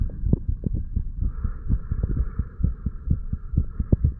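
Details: Heart sounds of a 35-year-old man after drinking too much alcohol, self-recorded a couple of hours after going to bed, moving from mitral to tricuspid area: steady, regular heartbeat with clear low thumps over faint hum.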